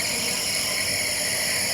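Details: Child with cough and flu receiving nebulizer treatment at a clinic, told to breathe in: steady hissing, whirring noise of the nebulizer compressor, with no breathing or voices audible.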